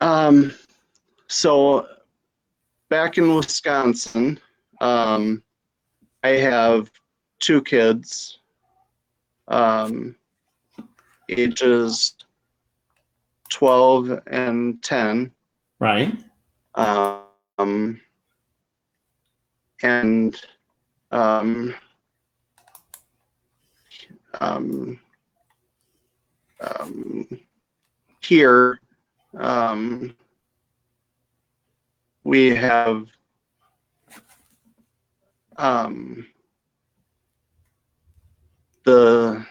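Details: Adult female stroke survivor with mild to moderate aphasia from a stroke at age 35, now 7 years post-stroke, with right-side weakness; she says the words are there but getting them out is hard.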